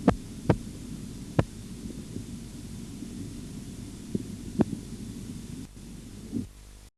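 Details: Sharp Korotkoff tapping sounds over a low steady hum, heard through a stethoscope as the blood pressure cuff deflates during auscultatory blood pressure measurement.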